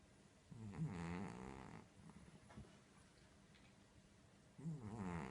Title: Cat Snoring *Very Funny*